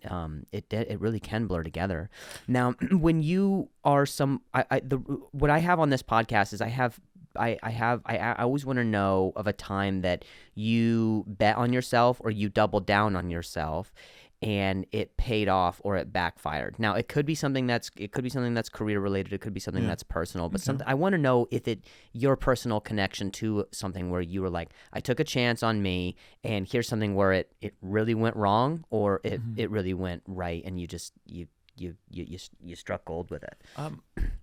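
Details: Comedian who stutters, speaking in a podcast conversation; stuttering.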